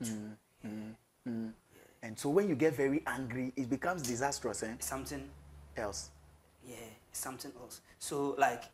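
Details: Adult man speaking; ordinary speech.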